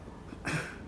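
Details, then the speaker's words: Adult deliberately imitates a single short, dry cough burst in a quiet room, a comedic demonstration of an ordinary "natural" cough as opposed to a "pandemic" cough. "Suara batuk biasa. Batuk alami suaranya."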